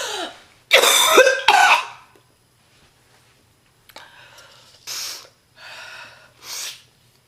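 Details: Real, not acted, cough of a sick female heavy smoker: deep, harsh, painful coughing in repeated bursts, about five to six, with rough throat clearing between; smoker's cough.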